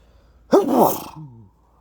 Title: ticklish stilfed sneezes (some hold backs and wet let out sneezes)